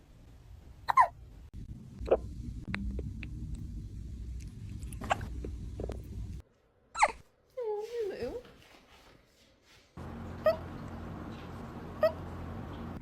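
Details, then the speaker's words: Cat with hiccups: brief, sharp, evenly spaced hiccup sounds, about seven in 13 seconds, with a meow and room noise. "you have the hiccups? Oh, baby."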